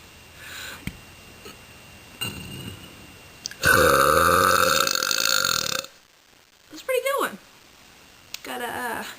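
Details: Deliberate burping by a person in their bedroom: a long, loud, drawn-out burp, followed by two shorter croaky belches in a quiet room.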